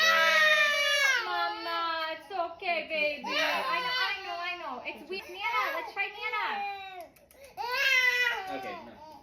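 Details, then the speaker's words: Newborn daughter's cry recorded in the newborn period, in short, insistent, urgent "eh, eh, eh" bursts with a clear, high pitch; discomfort cry. "Discomfort cry is typically, it's going to be a little more urgent sounding in the tone and the rhythm of it. This cry is going to sound like an eh, eh, eh."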